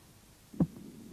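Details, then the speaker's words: Normal heart sounds: a single beat with a strong low first sound quickly followed by a fainter second sound, the diastolic sound from closure of the aortic and pulmonary semilunar valves, normally louder at the heart's base. "диастолический тон возникает в результате захлопывания и колебаний полулунных клапанов аорты и легочной артерии"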